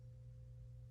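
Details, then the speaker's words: Weber hearing test in a head and neck assessment: a steady, soft, pure hum of a struck tuning fork placed on top of the head; the patient reports hearing it in both ears. "i'm going to check with the toning fork and i'm going to apply this one the toning fork on your top of your head and then just let me know when you can uh here in both ear okay"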